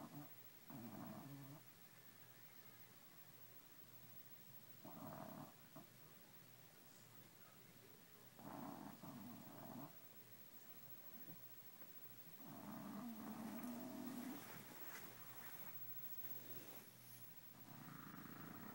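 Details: Baby hippo snoring in sleep: soft, low snorting snores in irregular bursts over a steady background hum.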